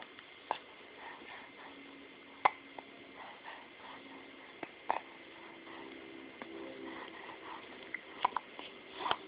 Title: Hiccups! :D